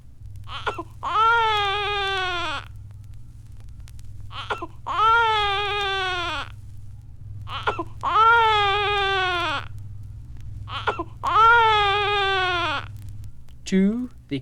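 Rhythmic infant crying, four sustained clear cries, each preceded by a short inhaled catch, with steady hum beneath; a typical hunger cry.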